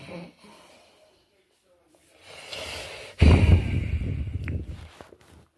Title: i have apnee and snoring